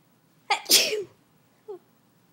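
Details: Adult recording alone at home, struggling to get sneezes going: a single sharp sneeze with a brief in-breath before it, followed by a faint sniff in a quiet room.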